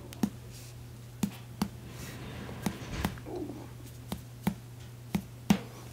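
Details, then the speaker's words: Percussion of the left heart border on the chest of a real adult woman, the demonstrator's wife, during a heart exam teaching lab: about nine sharp taps over the left chest, with a dull note over the heart; normal cardiac dullness. "and that sounds like cardiac dullness to me"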